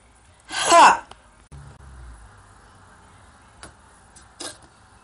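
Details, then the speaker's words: One sharp, forceful sneeze, then quiet room sounds with small clicks, from a male provoked by a cotton swab in both nostrils during a sneezing challenge. "haha just kidding sorry about the filter alright guys mr epic cowboy has done the sneezing challenge"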